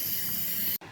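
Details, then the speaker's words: Steady high-pitched hiss of a running nebulizer, cutting off abruptly near the end; third nebulization, at 4 pm, for a hospitalized 3-month-old infant with bronchiolitis and shortness of breath. "Saya menjalani nebulisasi lagi, ini yang ketiga kalinya . Pada pukul 4 sore, agar kamu bisa tidur nyenyak nanti."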